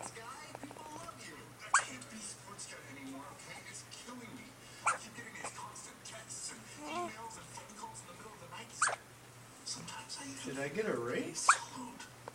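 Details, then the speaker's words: Male with hiccups: four sharp, brief squeaky catches about every three to four seconds, over soft room noise and faint talk. "See, he's a little squeaker. Ooh, big one."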